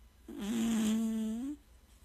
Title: Does your cat snore? 😂😴